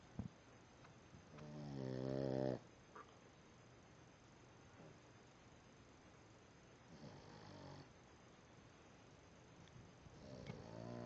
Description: Boston Terrier snoring